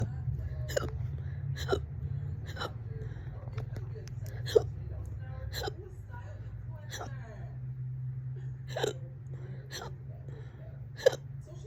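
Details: Sharp, loud hiccups about once a second, roughly 12 in under 12 seconds, over low room hum; person reports about 30 minutes of hiccups, on and off all day: persistent hiccups.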